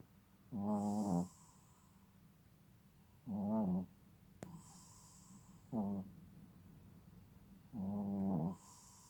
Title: is snoring too adorable he will be 6 months old November 12